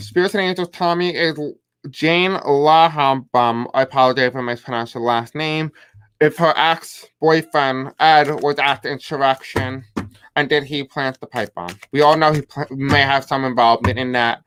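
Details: Male speaker with self-described deaf accent, who says he may have a hard time pronouncing certain words; deaf speech.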